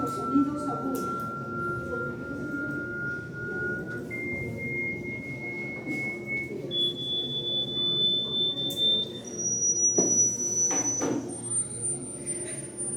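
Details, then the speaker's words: Audiometer-style pure-tone sweep from a hearing-loss and audiometry lesson: steady tones step upward in pitch from low tones, checking which pitches can be heard; adults reportedly no longer hear 20,000 Hz. "Miren, en este momento está saliendo sonido como la del audión, entonces a ver cuánto captan y esos son losidos graves, No, miren."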